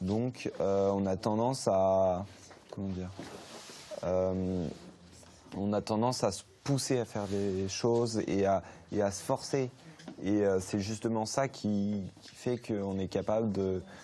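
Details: 16-year-old French-speaking male who has stuttered since birth; his father also stutters; he had 5–6 years of speech therapy. Stuttering.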